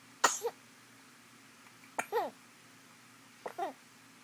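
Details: A baby girl sneezing and smiling: three brief, sharp, explosive bursts a second or more apart, each with a small squeaky tail. Infant sneezes.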